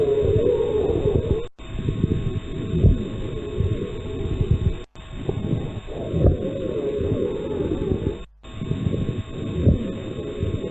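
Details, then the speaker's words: Simulated breath sounds in a lung auscultation class, at about 18 breaths a minute, with scattered crackles and a faint musical wheeze: crackles with wheeze of pneumonia. "Fíjense aquí ya se escucha las sibilancias, los roncos y demás. Se escuchan con atención."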